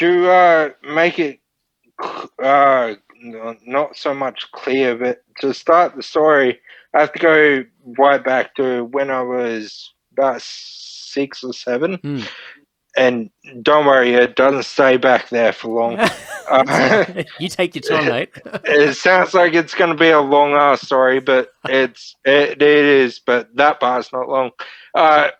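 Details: Ataxic dysarthria from Friedreich's ataxia, a neurodegenerative disorder, in a 31-year-old man diagnosed at 14; he reports slurred speech and struggling with words as part of the disorder.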